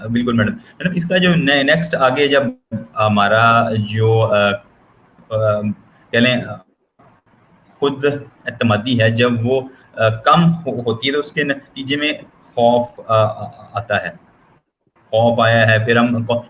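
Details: Stuttering in an adult man speaking Hindi/Urdu, who has worked on his own stammer and improved it.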